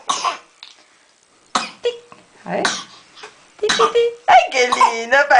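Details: Baby boy gives several short, irregular coughs mixed with laughing and squeals after a bath while talcum powder is dusted onto his face; cough.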